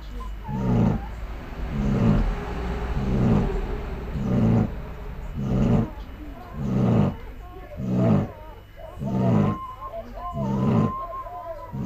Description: A well earned snore after being up all night giving birth